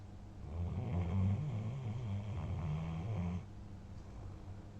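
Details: German Shepherd dog, very tired and sleeping, snoring: a low, rumbling, fluttering snore rising and fading over about three seconds, with quiet breathing before and after.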